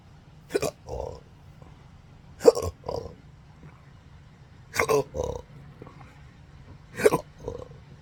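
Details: Four sharp hiccups about every two seconds, each followed by a short throaty burp. Recorded 4 July 2025 in a patient with involuntary diaphragm spasms since 2015 surgery-related nerve damage (pudendal, phrenic, vagus): hiccups with belching.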